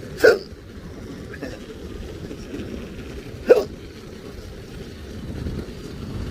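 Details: Two sharp, abrupt hiccup sounds about three seconds apart over steady road noise, from an adult with intractable hiccups recurring since December 2015, recorded September 2020 while on a new GERD medication regimen; persistent hiccups.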